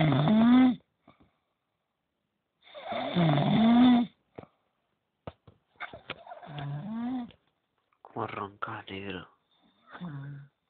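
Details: Dog snoring during sleep, keeping someone awake: two loud, buzzing, voiced snores, then brief talk in the room.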